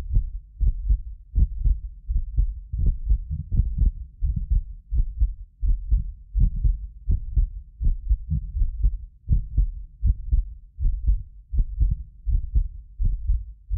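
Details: Heartbeat of a self-described medically fit person, recorded with more than six precision contact microphones; regular low thumps about 80 a minute, occasional doubled click from the roughly 6 ms delay between microphones, not the heart; normal heart sounds.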